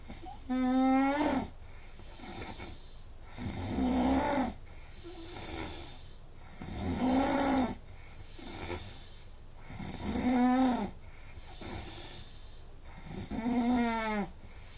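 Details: Loud, steady snoring from a sleeping adult, about 19 buzzing, rattling snores a minute on the in-breath, recorded with a snoring app: about 6 h sleep, 84% snoring time, snore score 145 (top 15%).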